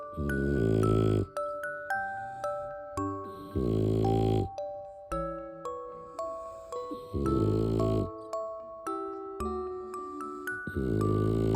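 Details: French bulldog asleep giving loud, rattling snores, about 17 a minute, over soft background music, while its sibling dog sleeps quietly: snoring.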